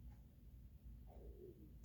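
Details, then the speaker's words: Faint low gurgling rumble with a brief rising-falling squeal from the speaker's own growling stomach, heard mid-talk; stomach growling (borborygmi). "Oh, that's my stomach, if you could hear that."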